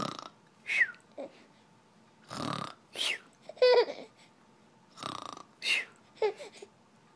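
Several loud, gurgling burps in a row, some drawn out and voiced, separated by short pauses; repeated belching.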